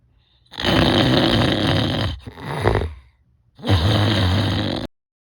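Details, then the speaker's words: Voluntary imitated snoring with both hands widening the nostrils: two long, rough, low-pitched snores with a shorter, softer one between, done as a self-test of nasal dilation. "세 번째 두 손으로 콧구멍을 넓히고 의도적으로 코를 골아"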